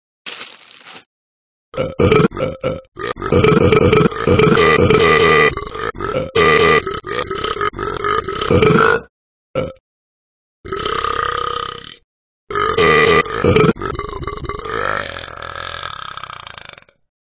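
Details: Simulated dog burping from the Talking Ben the Dog app: a run of long, loud, throaty belches with brief pauses between them, in a small room; repeated burping.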